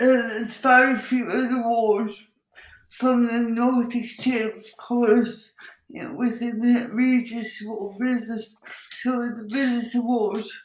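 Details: Speech impairment (dysarthria-like) in an adult woman with cerebral palsy who says her speech is impacted; she also has involuntary movements and uses a wheelchair.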